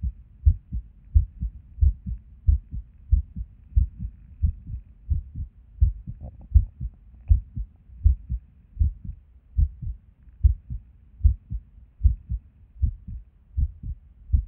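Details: Resting heartbeat recorded while sitting at a desk: low thumps about 80 a minute with uneven spacing, some beats early or seemingly dropped, an irregular skipping rhythm with skipped beats.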